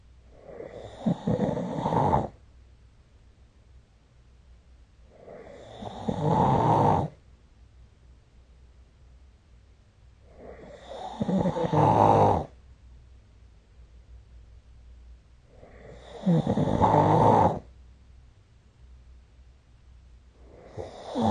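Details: Snoring recorded with the SnoreLab app: loud, rough snores about every five seconds, roughly 12 a minute, with quiet pauses between.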